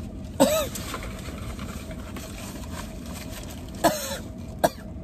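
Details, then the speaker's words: Adult deliberately coughing on their girlfriend's fast food as a prank in a car: three short, forced cough bursts over steady car-interior noise. "Babe, chill. You stop coughing, dude."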